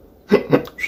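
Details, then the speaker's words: Two quick, abrupt voiced hiccup-like throat sounds from a man who has Tourette syndrome; a common hiccup vocal tic he often makes without noticing. "sometimes i'll just make that hiccup noise and i don't even realize it"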